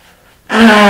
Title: 3 sneezes and nose blow (m)